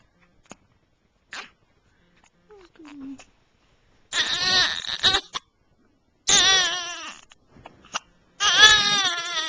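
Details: Two-week-old infant girl with hiccups: short, high, wavering cries in three bursts, with a few soft catches between them.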